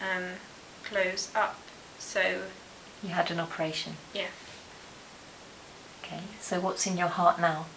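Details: Adult speaker; no speech disorder.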